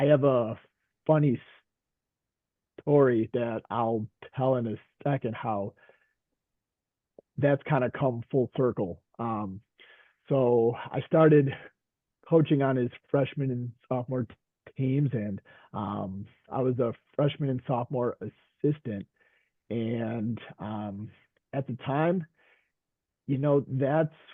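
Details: Veteran high school coach and special education teacher who stutters; stuttering.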